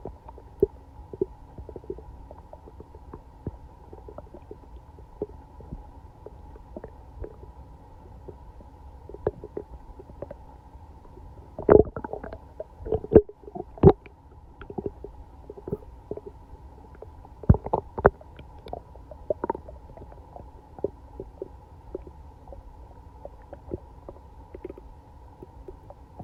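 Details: Loud gurgling, bubbling belly noises with clustered rumbles, the day after eating Chinese food and being sick all night, sounding like something swimming in the belly; active bowel sounds (borborygmi).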